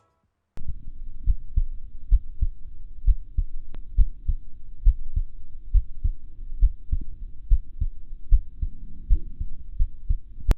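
Regular low thumping heartbeats through a digital stethoscope, about 68 beats a minute, with steady low hum behind.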